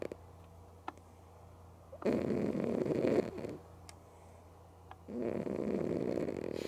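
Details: Pet cat sleeping with both eyes open: loud rasping snores, two long breath-in snores about three seconds apart with quiet pauses between; snoring.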